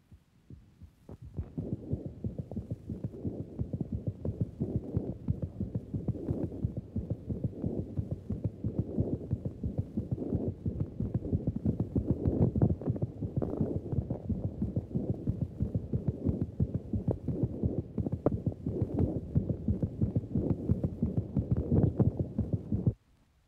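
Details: An adult man with rheumatic inflammation of the heart from active rheumatic fever, no murmurs: very rapid, evenly spaced machine-gun heart sounds, first and second sounds indistinguishable, tachycardia with embryocardia.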